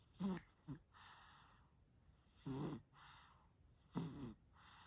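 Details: Sleeping, very tired baby snoring: short, soft snorting snores, about three breaths in five seconds, each a brief nasal rattle followed by a quiet out-breath.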